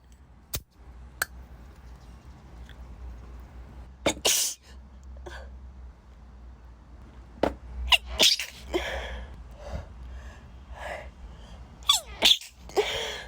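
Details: Female sneezing on a beach, unexpectedly set off by a drink she was handed: several sharp, explosive bursts close together with short breath intakes between, a rapid run of sneezes.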